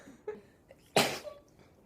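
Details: A girl's single sharp, explosive sneeze with a brief breathy tail in a quiet room, during a word-association game.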